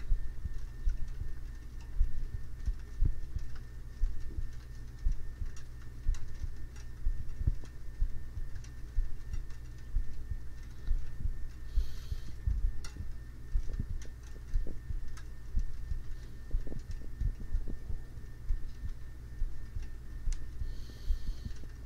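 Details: Real recording of an adult woman sleeping, binaural microphone beside her in bed: soft, low resting heartbeat thuds, roughly 60 a minute, with faint breathing and body noises.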